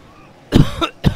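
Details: Adult with a bad cold, after taking cough medicine: two harsh coughs in quick succession, the first with a short throaty tail.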